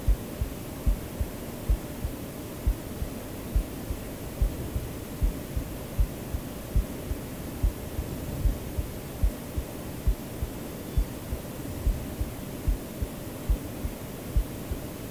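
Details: Recorder's own real heartbeat, soft steady low thumps at about 74 beats a minute, under constant white-noise hiss; normal heartbeat in a sleep-aid recording.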